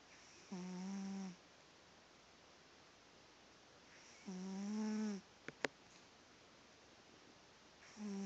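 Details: Pet cat asleep, briefly opening an eye but staying asleep: slow, regular buzzing snores, about three in eight seconds, with quiet pauses and clicks; snoring.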